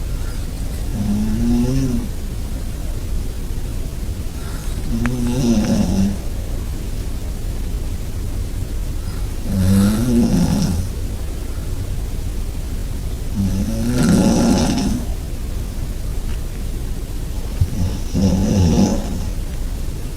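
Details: Snoring recorded about 20 cm from the snorer in a shared bed: loud, regular, long rattling snores about every 4 seconds, roughly 14 breaths a minute, over a steady hum.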